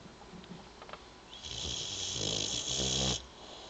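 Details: Boxer dog sleeping comfortably and snoring: one long, hissing, rattling snore on inhalation.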